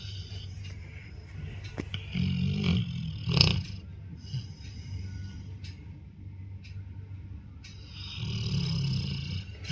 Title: 14 YEAR OLD BLACK BEAUTIFUL LABRADOR SNORING WHILE SLEEPING #LAB#OLD # BEAUTIFUL